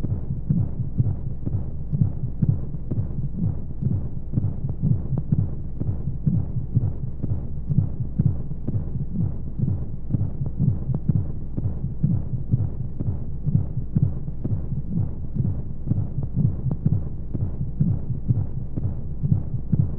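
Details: Womb sound played as a baby sleep aid: muffled, rapid low thumps about 125 a minute with regular rhythm under a steady hiss of white noise and flowing sounds; heartbeat.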